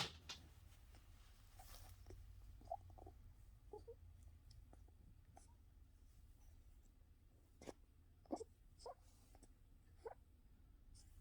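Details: Cat with a steady low purr and several short, soft, high whimpering squeaks over it, just after a coughing spell: whimpering with purring.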